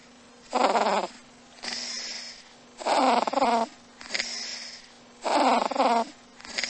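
Regular breathing cycles with a buzzy snore on each breath in and a softer hiss out, about ten breaths a minute; a cat snoring.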